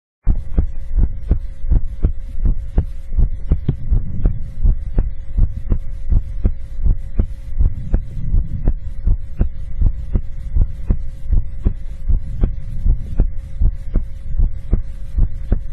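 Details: Heartbeat recorded for ASMR: a steady, loud, thudding normal heartbeat of about 80 beats a minute with a constant background hum.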